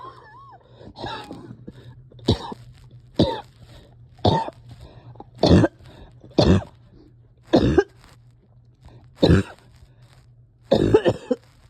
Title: Coughing with some breathing ￼struggles